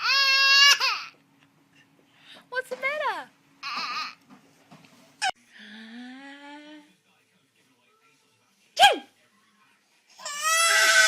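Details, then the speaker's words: Infant startled and scared, crying in bursts with short sharp sounds in between and quiet pauses; infant cry. "I'm sorry. Mimi. Oh man, I'm sorry I scared you. Oh man."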